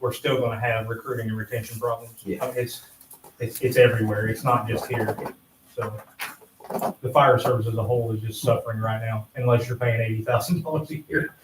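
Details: Adult male speaker; ordinary speech.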